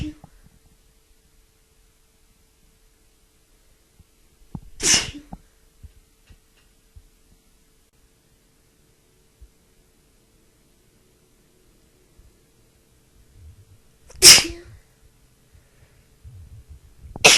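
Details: Three separate sharp, explosive sneezes several seconds apart in a quiet room, faint breathing between, from a person with a bad tickly cold; repeated sneezing.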